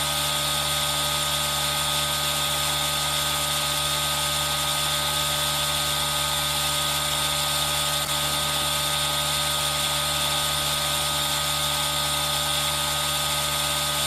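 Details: Aerosol nebulizer running, mixed with rain sound as a relaxing ASMR recording made on a Zoom H1n recorder: steady, unbroken hissing hum with a constant mechanical whine.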